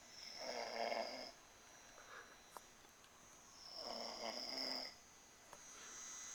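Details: A man caught snoring while asleep, filmed as someone tries to wake him: higher-pitched, whistling snores on each breath in, roughly 17 a minute, in a quiet room.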